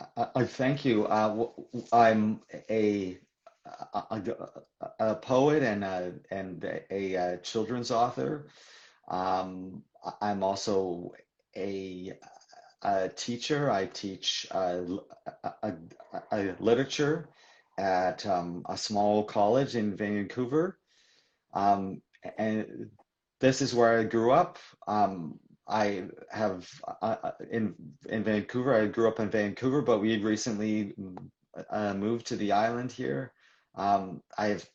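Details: Man in his mid-40s who stutters, in real live conversational speech with repetitions; stuttering.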